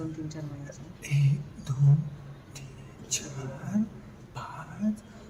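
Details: Patient counting 52 to 56 aloud, with breathy breaks on voiceless consonants and fricatives and nasal flaring during spasms; panel-judged abductor spasmodic dysphonia.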